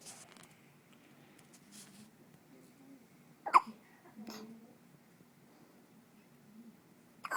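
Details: Four-day-old baby girl with two or three short, sharp squeaky chipmunk-like hiccups in a quiet room, with faint breathing and rustle; newborn hiccups.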